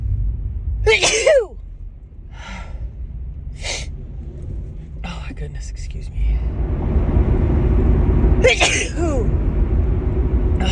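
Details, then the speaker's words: Female sneezing, two forceful sneezes with sharp intakes separated by quieter noises over rumbling background, harsher than her normal sneezes, with nose tickling; she suspects a grass pollen allergy. "Oh God, so these are like way harsher than my normal sneezes."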